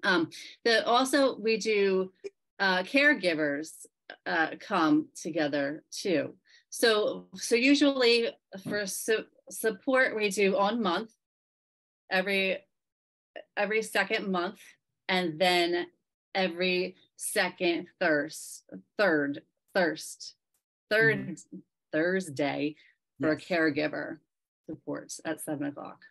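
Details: Aphasia in a member of a group of people living with aphasia, speaking at a virtual aphasia conference.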